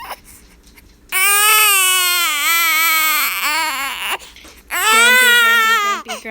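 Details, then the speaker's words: Female infant crying after about three days of grumpiness, with hiccups: two long, loud, high-pitched wails separated by brief catches of breath; a sustained fussy infant cry. "has a little bit of a grumpy period she's been grumpy for like three days maybe more she likes to cry"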